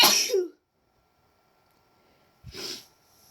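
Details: Deliberately induced sneezes: two sharp, hissing sneezes about two seconds apart with quiet between them.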